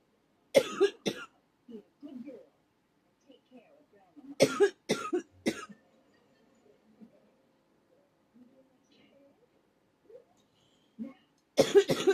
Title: ugh cough cough cough